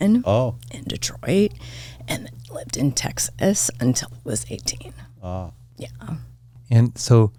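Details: Adult woman with spasmodic dysphonia diagnosed this year, involving vocal cord spasms; she attributes it partly to voice overuse from podcast hosting and to stress, and says it seems to be occurring during this real recorded interview: spasmodic dysphonia.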